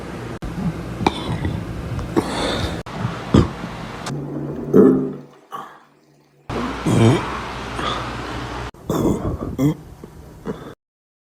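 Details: Several low, throaty burps from a young boy in a small room, with some vocal sounds between them, part of a burp compilation; burping.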